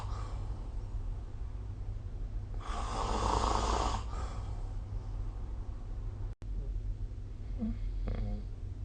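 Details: Single long, rough, noisy snore over steady room hum, then fainter breathing, recorded during sleep with the SnoreLab app; snoring.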